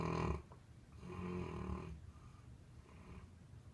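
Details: Two loud, rough, low-pitched snores, each drawn in with the breath, in a quiet small room; loud snoring from a sleeping dog.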